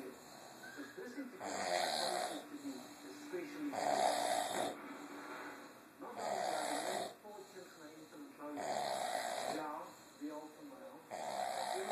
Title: Snoring Gorilla